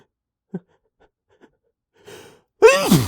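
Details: Sneezes the person tried and failed to hold back: several faint stifled catches and a sharp intake of breath, then a loud explosive sneeze breaking through; a sneeze.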